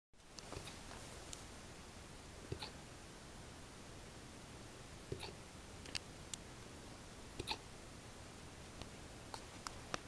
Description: Here my Siberian Husky/Alaskan Malamute mix hiccups. He often would hiccup. lol : )